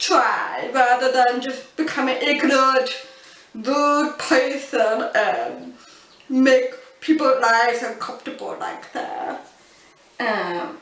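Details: Adult woman born deaf, using cochlear implants, who learned to speak English through speech therapy; deaf speech that people often mistake for a foreign accent.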